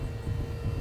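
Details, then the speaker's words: Fast heartbeat of a nervous young adult male contestant under stress on a game show: deep, muffled thumps in quick succession over a low rumble. "you hear that sound that's your heart beating it's and it's going rather quickly"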